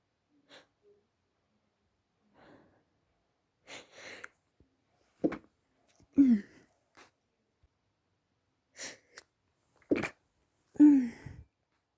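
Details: Stifled, muffled sneezing fit held back to stay quiet while family slept, recorded at night during a cold: short sneezes with sharp air bursts and small gasps between them.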